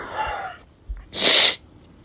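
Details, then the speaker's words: Sneeze from someone with severe pollen allergies, recorded on a Snapchat camera: short in-breath, then one loud, sharp, hissing sneeze. "my goodness. If you couldn't tell, my allergies are [ __ ] insane right now."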